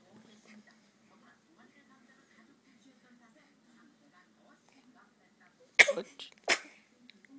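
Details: Soft background murmuring, then two sharp sneezes in quick succession from a young child named in Korean; ordinary sneezing.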